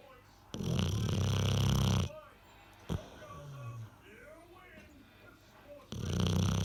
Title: Bulldog snoring